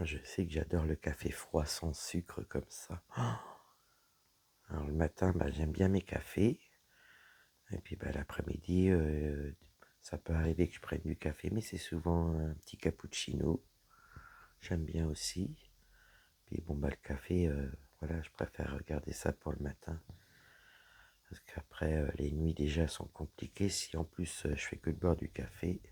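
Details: Dysphonia with a low-pitched, creaky voice in a woman whose vocal cords were damaged by a serious health problem; her voice is deeper than before, is at times nearly lost, and she cannot speak loudly.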